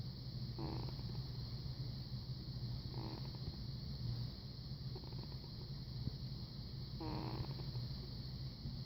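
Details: Faint, tiny, soft snorts recur every two to three seconds over a steady low background hum during sleep: snoring.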